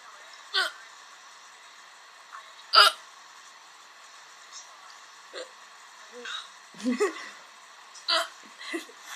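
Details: Several people hiccuping together, with hiccups lasting about 10 minutes: repeated abrupt hiccups with quiet voices and laughter between them.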